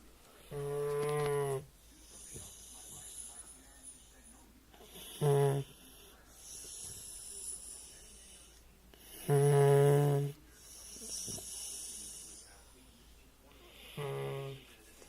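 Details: Sleeping dog wearing a collar, which the owner suspects causes the snoring, with a paw wound he keeps licking: loud droning in-breath snores alternating with softer out-breaths, about fourteen a minute, uneven rhythm; snoring.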